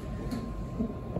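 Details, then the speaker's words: Normal fetal heartbeat on a CTG (cardiotocography) monitor, baby head down: rapid, soft whooshing pulses through the speaker, recorded to get a 15–20 minute baseline. "if you can hear that that's baby's beautiful heartbeat that's perfect we're going to leave this on for about 15-20 minutes to get a good Baseline of what babies doing"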